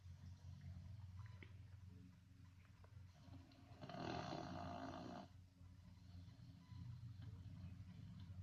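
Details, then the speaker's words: Dog snoring in sleep, said to sound like a grown man: low rumbling breathing with one louder, rougher snore in the middle, under a steady low room hum. "Is really snoring. That don't make no sense. Like a grown man."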